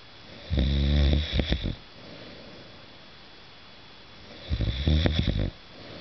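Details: Two loud, rattling, fluttering snores about four seconds apart; snoring recorded December 2008.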